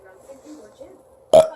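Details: Parent burping to make their baby boy laugh: faint room sounds, then one short, loud, low voiced belch; burping.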